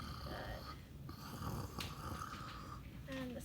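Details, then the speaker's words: Simulated tracheostomy patient auscultated in six areas during deep breaths: low, coarse rattling rhonchi from airway secretions, suctioning judged needed. "can you give me a big cough oh yeah so it sounds like we do need to do some suctioning okay"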